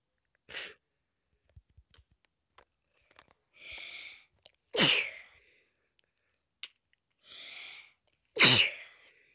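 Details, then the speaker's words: Sick person with a clogged nose sneezing while narrating Minecraft gameplay: a short sneeze, then two breathy inhalations each followed by a loud explosive sneeze, three sneezes in all. "excuse me let's go put this in fance that's a lot of sneezes"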